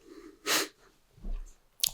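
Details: A single sharp, hissing burst of air, then a softer breath and a brief click, in a quiet room; a sneeze during an acted ASMR chiropractor roleplay.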